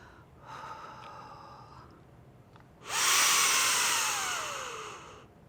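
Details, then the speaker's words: Brief soft airflow, then a strong two-second rushing inhalation with a faint falling whistle through a RespiClick dry powder inhaler mouthpiece. Lips are sealed without covering the vents and no spacer is used, in a tutorial demonstration; inhalation through dry powder inhaler. "breathe in quickly and deeply through your mouth until you take a full deep breath looks like"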